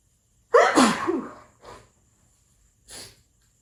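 One forceful sneeze with a voiced burst, followed by two softer breathy exhalations; an ordinary sneeze.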